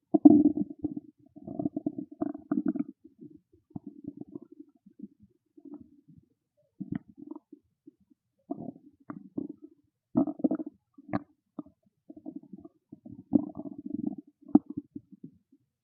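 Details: Hungry stomach growling: bubbling, gurgling rumbles in irregular bursts with quiet gaps, ordinary bowel sounds (borborygmi).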